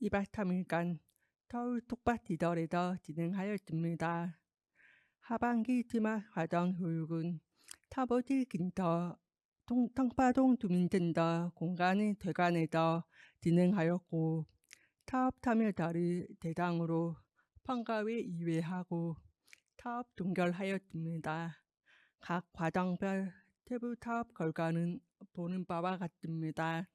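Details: Deaf adult woman with a left-ear cochlear implant, received about two years earlier, followed by speech-language therapy; hearing-impaired speech (cochlear implant user).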